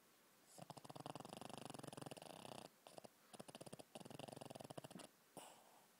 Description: Sometimes my chubby shih-tzu Jake snores pretty weird.